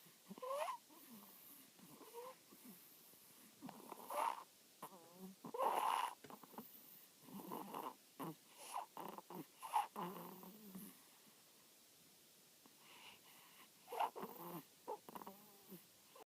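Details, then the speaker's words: 2-week-old sleeping puppy making short, squeaky, whistling snores in quick irregular bursts with brief pauses; snoring. "Leaf is 2 weeks old and he already snores like this."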